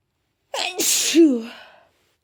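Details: One sneeze: a short voiced intake, a sharp hissing burst, then a falling vocal tail.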